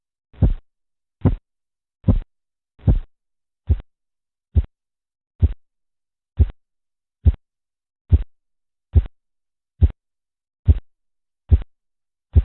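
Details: Korotkoff sounds heard while measuring arterial blood pressure, shown as a demonstration of correct measurement.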